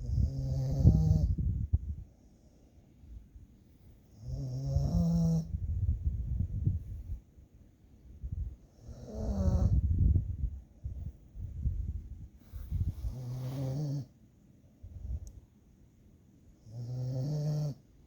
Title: Dog Snoring while taking nep